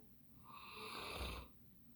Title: Max our Bernese Mountain Dog snoring